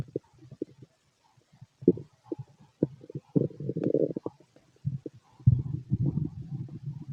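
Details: Loud, irregular bursts of gurgling and rumbling from an adult male's belly, described as healthy digestion and louder in person; normal bowel sounds, stomach growling.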